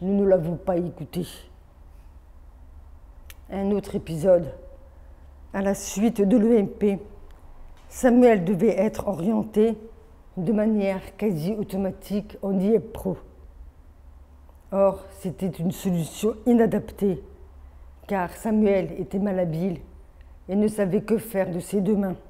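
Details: Adult woman born deaf with over 80% hearing loss from maternal rubella, hearing aids from age 7, oral education, speech therapy from age 2 through middle school plus phoniatric voice work, hears own voice poorly; speech of a congenitally deaf adult.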